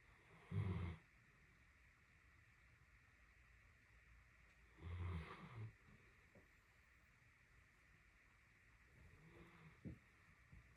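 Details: Female Great Dane napping, snoring for 30 minutes straight: low, short snorting snores about every four to five seconds with quiet between; harmless dog snoring.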